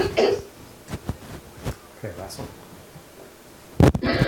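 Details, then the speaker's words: Several short coughs with throat clearing in a small room, ending in a harsher burst; played to an audience asked to judge whether each cougher is actually sick or coughing for other reasons. "okay so I'm going to play all four coughs and then just do is to do a show hands will see you"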